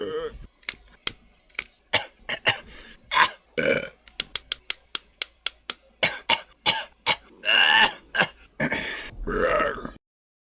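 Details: A rapid run of short, throaty belches and a few longer drawn-out burps over about ten seconds, from a coughing and burping compilation; repeated burping.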